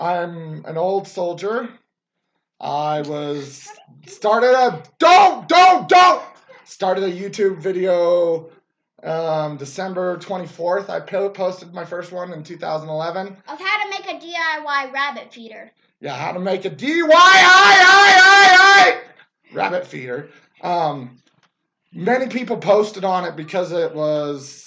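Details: Adult man, a former soldier, with Tourette syndrome whose tics got much worse after military service; vocal tics with word repetition (Tourette syndrome).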